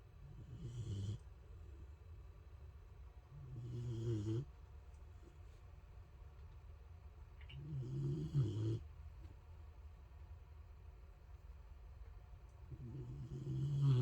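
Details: A Boxer dog napping, with regular loud, low, rumbling snores about every four seconds in a quiet room; snoring.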